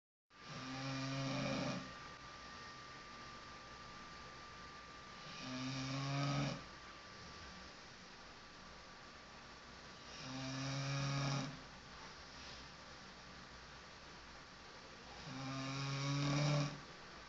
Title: Fifi snoring loudly